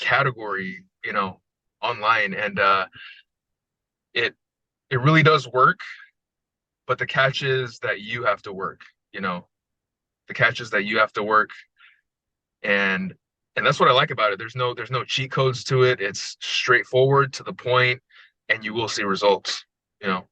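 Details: Adult man with a long history of stuttering including severe speech blocks, after about 2.5 weeks of smooth speech coaching with daily practice; speech presented as smoother and more fluent; stuttering, improved after fluency training.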